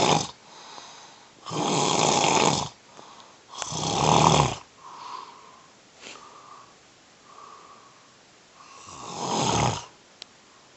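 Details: Loud, harsh snores with uneven breaths and quieter gaps between them, from a sleeping adult man with sleep apnea who is getting over a cold.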